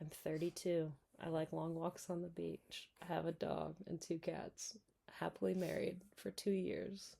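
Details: Adult speaker; normal voice.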